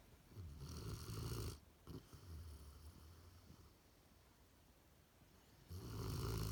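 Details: 11-year-old standard poodle snoring while sleeping comfortably: low rumbling snores, two loud breaths with quieter breathing between; ordinary snoring.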